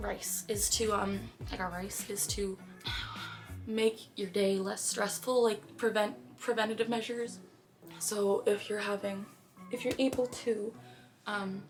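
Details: Girl with Tourette syndrome during a painful tic attack, with intense motor tics and repetitive vocal tics and sudden out-of-context phrases; vocal tics (Tourette syndrome).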